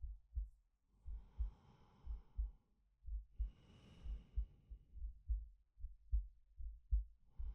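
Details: Steady low heartbeats, about 70 a minute, under slow soft breaths from a male, ASMR sleep-aid recording; normal heartbeat with calm breathing.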